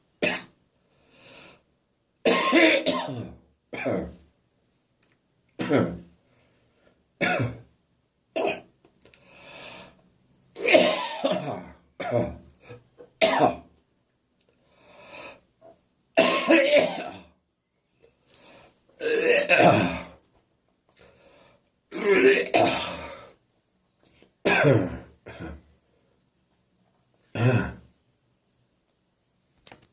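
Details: Adult's morning coughing fit from acid reflux in the throat: irregular harsh coughs and throat clearing.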